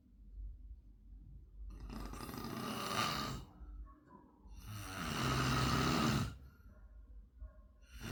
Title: ultimate snoring sound part 3(2)